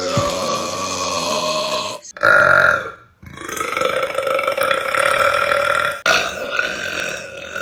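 Long, loud, drawn-out belches with a steady throaty tone, several in a row with short gaps; repeated burping.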